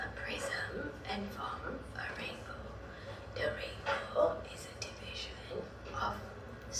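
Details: Baseline voice before treatment, reading the Rainbow Passage; strained, strangulated voice with phonation breaks and missing speech fragments; adductor spasmodic dysphonia with some elements of essential voice tremor.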